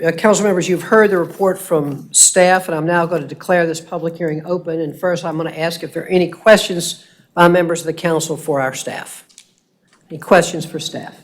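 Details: Adult speaker; normal voice.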